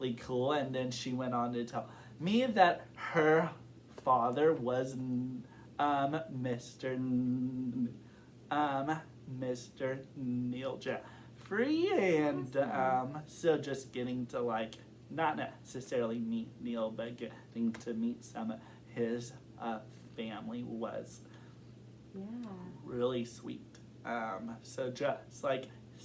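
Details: Adult man who has stuttered since kindergarten, reporting recent blocking and severity and form varying over time; stuttering.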